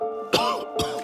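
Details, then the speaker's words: Two short, dry cough bursts from an adult over steady background music, acted to portray a patient's chronic cough. "You know when you're on an airplane? And that person next to you keeps coughing, and you just want to get away from them? Well I'm that person coughing."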